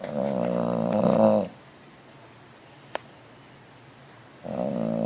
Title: Bulldog dreams and snores